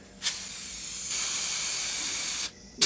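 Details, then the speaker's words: Adec Century Plus dental delivery unit: a steady, sharp hiss of escaping air from the control block that starts, grows louder, then stops when the handpiece whip is pulled forward, caused by a faulty bleed valve. "whenever the doctor is pulling the handpiece forward it is making that noise we have trouble shot the issue to a faulty it's a faulty bleed valve"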